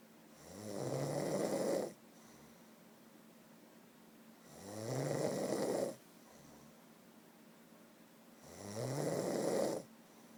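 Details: Snoring recorded close up: slow, regular snoring, about 15 breaths a minute, each a rising rattling snore, with a steady hum in the background.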